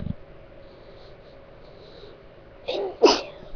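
An acted sneeze: a quiet stretch of held-back breath, then a short intake and one loud explosive sneeze burst.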